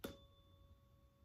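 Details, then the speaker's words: Tuning fork being activated for a Weber and Rinne hearing test demonstration, with advice not to strike it on a hard object like a table because that can damage it and produce overtones affecting results, and to do the tests in a quiet room. "you don't want to strike the tuning fork on a hard object such as a table because that can damage the tuning fork and it can produce overtones which can affect the test results"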